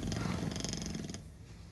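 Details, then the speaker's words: Spartacus, a pet bulldog, asleep with his head resting in his usual position, gives a low fluttering rattling snore that fades to quiet breathing. "this is his headrest and he falls asleep like that yes he falls asleep you'll hear him snore in a second"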